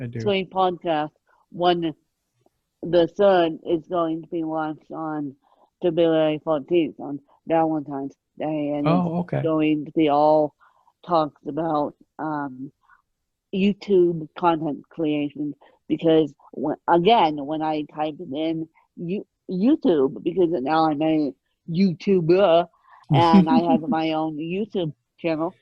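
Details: Adult woman born with moderate ataxic cerebral palsy, mid-spectrum, needing 24-hour care; dysarthria from ataxic cerebral palsy.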